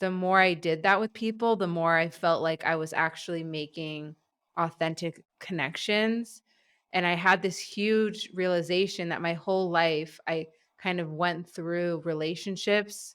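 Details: An adult male who has stuttered all his life; stuttering.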